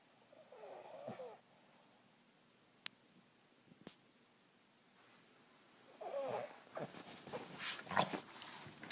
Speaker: morning good morning hey you were snoring pretty big time